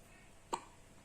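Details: Baby hiccup: a single brief, sharp hiccup sound in a quiet room.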